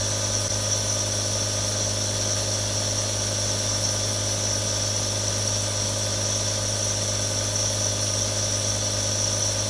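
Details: Real sound of nebulizers running: steady mechanical hum and buzzing hiss without pauses from a continuously running compressor.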